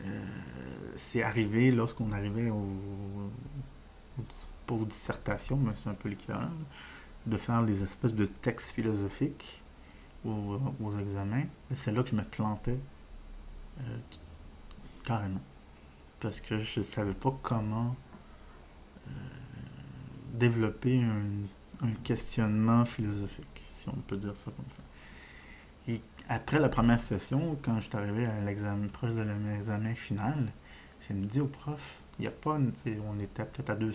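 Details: Adult male with diagnosed ADHD, disfluency he says resembles stuttering but is not stuttering, linked to wanting to speak faster than he can express himself: speech disfluency (hesitations and revisions)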